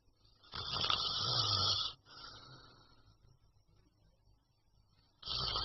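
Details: A loud, harsh, rasping snore on the in-breath, then a quieter breath out before the next snore begins; snoring.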